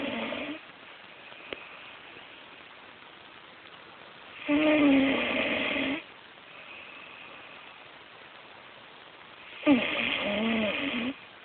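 Slow, rough, rattling snores on breathing in, about every five seconds, with quiet gaps between them.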